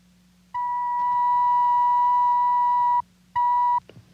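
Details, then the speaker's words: Dramatized 1950s TV scene of an adult male patient with hearing loss being examined by an otologist: a sample audiometer tone played through earphones before testing, a steady pure beep of about 2.5 seconds, then a short repeat. "First, a set of earphones is adjusted to the patient's ears, and he is asked to listen carefully. A sample tone is given him like this."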